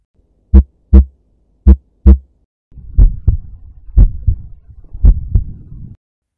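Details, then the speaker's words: Loud first heart sound, described as loudest at the apex and possible in hyperdynamic circulation, anemia, pregnancy or mitral stenosis; slow regular lub-dub near 55/min with a strong, sharp S1. "the first heart sound is loudest at the apex in some condition like hyperdynamic circulation anemia or pregnancy mitral stenosis there may be loadfest heart sounds"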